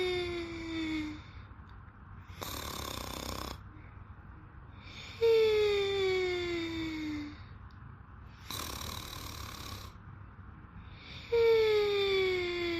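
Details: Person sleeping: loud, tonal, whistling snores falling in pitch on each breath, alternating with noisy breaths out, about 10 breaths a minute; snoring.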